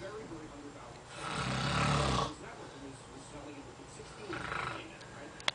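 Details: Snoring heard at night during a 2007 ride: two rough, low rattling breaths a few seconds apart, the first loud and long, over faint room noise.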